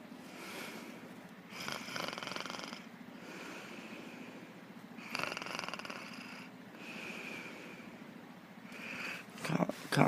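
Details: Sleeping cat snoring: soft, raspy snoring breaths, irregular and partly buried in room noise.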